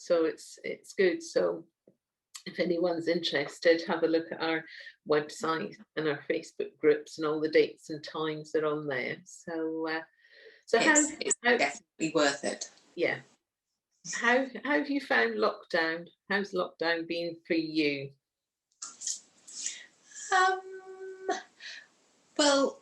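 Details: Adult speaker (interviewer); normal speech.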